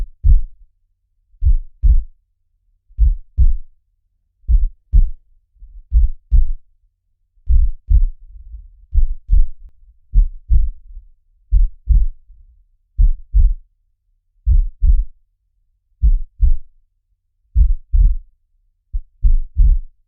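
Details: Recorded heartbeat sounds meant to mimic what a baby hears in the womb: a slow, steady heartbeat with deep paired lub-dub thumps at about 40 beats a minute.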